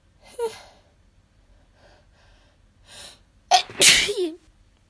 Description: Sometimes I just hate this tickle in my nose